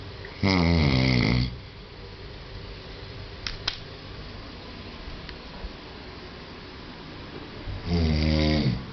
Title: Long Snoring